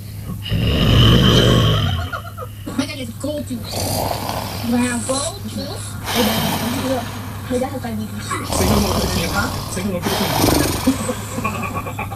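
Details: Sleeping female snoring: loud, rough snoring with snorts, with talk and room noise in the background.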